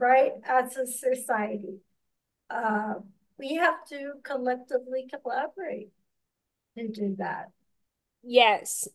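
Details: Podcast host with ataxia who reports doing extensive work on word pronunciation, type of ataxia not stated; ataxic dysarthria.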